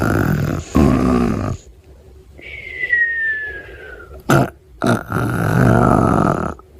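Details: Long, low, rumbling belches with a whistling tone between them, from an Alphablocks cartoon character; clip presented as snoring.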